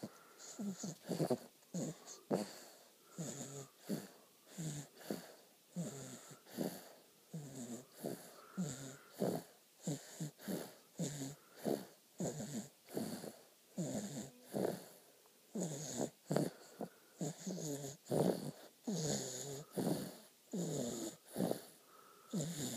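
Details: A 4.5-month-old baby girl snoring: rhythmic snorting snores with a wheezy, whistling edge, roughly one per second, in a quiet room.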